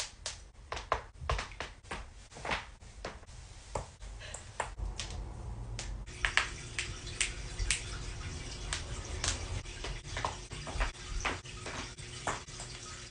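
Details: Compilation of joint cracking (crepitus): a rapid series of sharp, dry pops and clicks.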